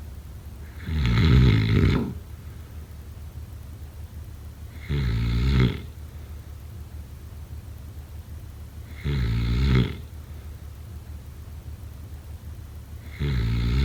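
Deep, rattling snores on breaths in, about 14 a minute, with quiet stretches between; ordinary sleep snoring.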